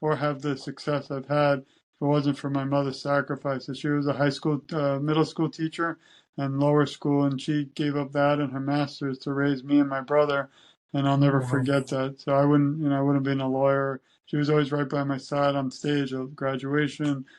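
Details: Adult man speaking; typical speech.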